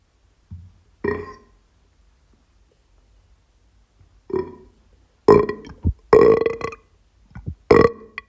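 A series of loud, voiced belches, several in quick succession near the end, in a quiet room: repeated burping.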